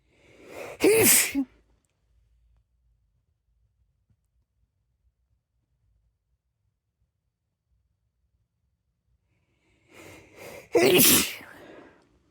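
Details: Sneezing: two forceful sneezes, each with a quick in-breath before the burst, about nine seconds apart; caption reports three sneezes.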